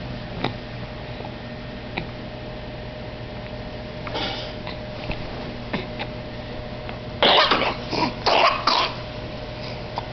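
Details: Infant in the 7th month coughing: a softer cough, then a quick run of about four short, harsh coughs over a steady background hum.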